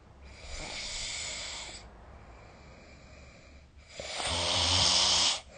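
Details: Snoring during sleep recorded with the SnoreLab phone app: two long hissing breaths, the second with a rough, rattling vibration, over steady room noise; snoring.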